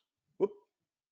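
A single abrupt, brief whoop-like vocal sound bursts out of silence and quickly fades, consistent with a simple vocal tic in Tourette syndrome.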